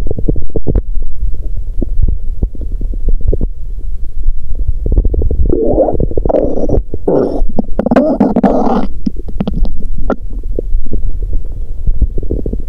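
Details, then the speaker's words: Active bowel sounds from an adult woman's abdomen on day two of her period: continuous low rumbling and gurgling with a louder bubbling, squelching run mid-clip, likened to a horn or tuba. ""変な音でした😂"。実際には、ホルンかチューバのような音でした🤣。"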